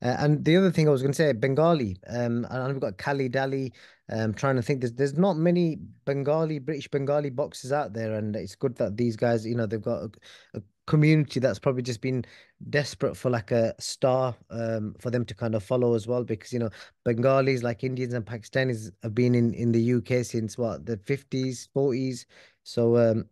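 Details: Adult man speaking; normal conversational speech.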